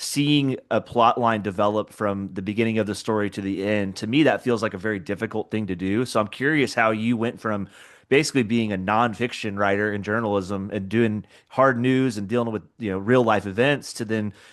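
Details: Adult male speaker; typical speech.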